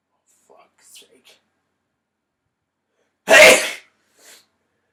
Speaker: well I hope you enjoyed that it was a burp in a crazy loud sneeze